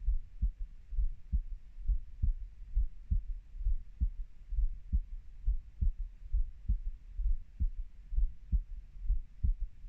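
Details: A 30-year-old's own heartbeat: steady, regular low paired thumping at about 66 beats a minute over a faint hiss.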